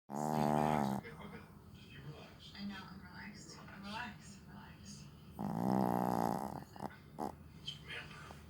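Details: Two loud, drawn-out snoring breaths about five seconds apart, with quieter snuffling and room sounds between them; snoring.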